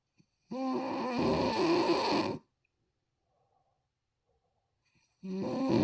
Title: mama snoring.